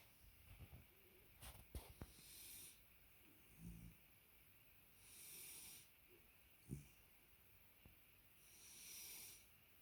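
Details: Dog snoring lightly after falling asleep during a belly rub: soft, hissy breaths roughly every three to four seconds with occasional snorts and clicks, quiet and faint.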